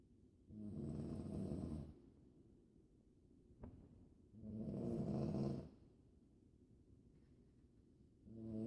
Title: Snoring Airplane